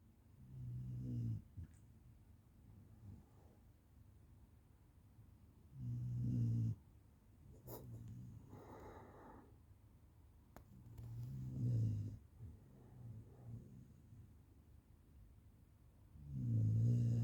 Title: Milo snoring 💤 ￼